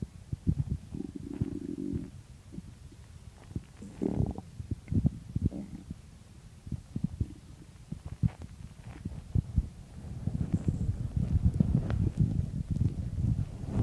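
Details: Morning stomach growling just after waking: low gurgling and rumbling bowel sounds with popping bubbles, ordinary borborygmi.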